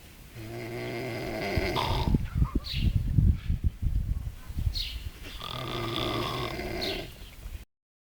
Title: snoring in la marina